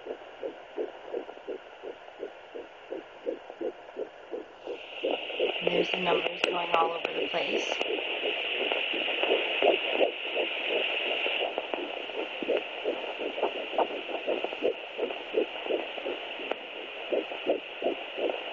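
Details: Rapid, regular whooshing fetal heartbeat on Doppler, roughly 160–170 beats a minute; the finding is fetal heartbeat.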